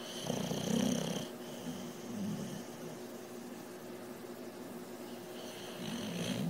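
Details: Sleeping animal snoring: soft, rhythmic, rattling snores with each breath over steady room hum, recorded on an iPhone.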